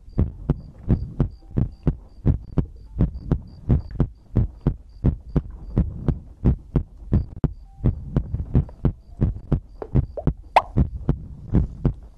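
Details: Compiled heartbeat with breathing, recorded as sleep ASMR from a livestream: steady, even low lub-dub thumps at about 60 beats a minute over a faint hum; normal regular heartbeat.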